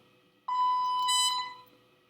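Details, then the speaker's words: Sigma Spectrum IV pump with pre-primed Baxter Clear Link primary tubing: a sustained high electronic alarm tone lasting about a second. It is an occlusion alarm because the roller clamp was left on after pressing run; it clears once the tubing is unclamped. "It identified that we had clamped tubing, so it saw an occlusion. You'd unocclude that, our roller clamp was on, and you hit run again, and it would start."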